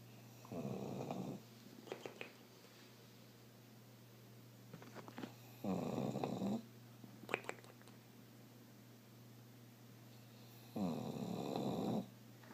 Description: My bulldog, moose, snoring and making a strange noise.